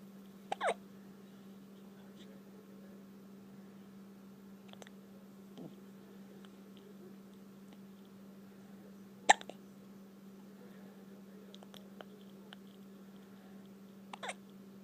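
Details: Sharp, brief hiccup clicks recurring irregularly, about four in fifteen seconds, over a steady room hum; hiccups.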